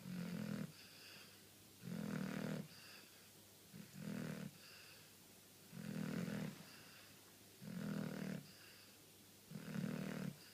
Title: Charlie snoring!!!